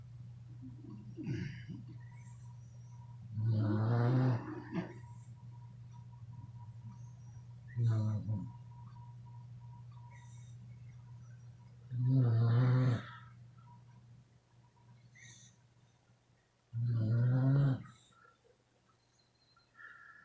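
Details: Sleeping beagles snoring: low, buzzing snores about every four to five seconds (roughly 13 a minute) over faint room hum.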